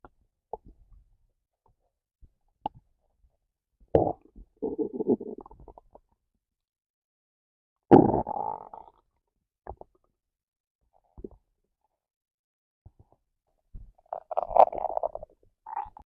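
Scattered gurgles and a few longer bubbling rumbles between quiet spells; normal stomach growling of hunger.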